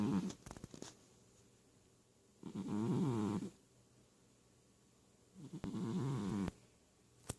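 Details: Sleeping cat nicknamed for wheezing, snoring: soft, buzzing, rattly snores at slow, regular intervals with quiet pauses; harmless here.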